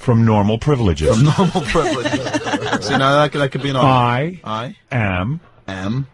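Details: Adult man, born 1965, who has stuttered since second grade, speaking as a radio show call screener; word repetitions heard; stuttering.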